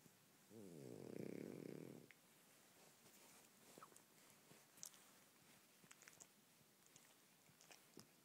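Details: French bulldog snoring: a single loud, rattling snore on one breath, followed by quiet room noise with faint clicks.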